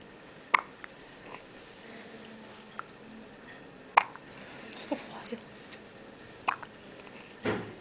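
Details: Newborn right after birth, held by the mother for the first time: sharp, brief catches of breath recur every few seconds over quiet room noise. Hiccups.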